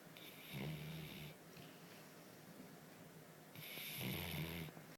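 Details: Everyday snoring: two noisy snoring breaths with a rattling, snorting quality, each followed by a quieter pause.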